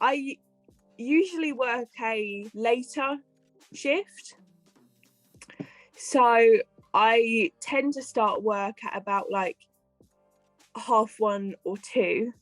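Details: Adult female health and care worker with a stammer who attended the Michael Palin Centre for stammering; stammering.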